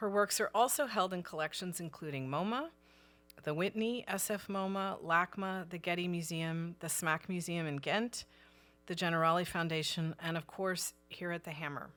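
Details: Adult woman speaking; normal speech.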